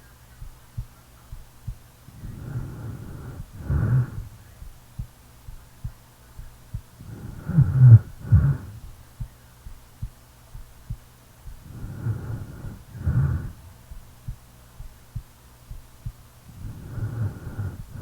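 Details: Real recording of a person snoring while asleep: four low, rattling snores about every 4.5 seconds, roughly 13 breaths a minute, with faint, steady heartbeat thumps underneath.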